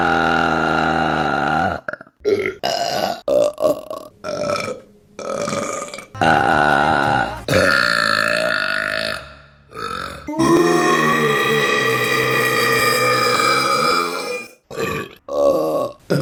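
Loud, drawn-out belches with a croaky rumble, one after another, some held for several seconds; deliberate burping.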